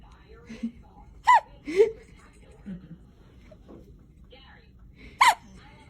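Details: Sharp, high little voiced catches from a baby girl, three strong ones over about six seconds, with soft background voices; infant hiccups.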